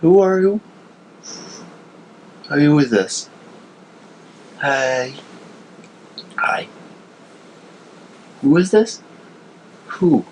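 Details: Adult man, asleep; sleep talking (somniloquy).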